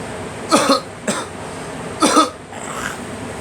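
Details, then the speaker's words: Three short, moist-sounding coughs with a faint fourth in a quiet room from a girl who says she can't bring mucus up, then some comes up; productive cough. "What is I want to cough, but my body doesn't want it. It just coughs here and there. Can't get crap up."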